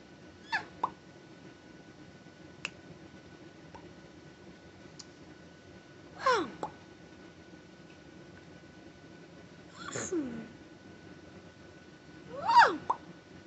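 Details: Parent's tic attack after a stressful day of phone calls, while on antibiotics, steroids and Tylenol for a bad ear infection and off Benadryl: abrupt, irregular squeaks, clicks and short yelps seconds apart in a quiet room, vocal tics.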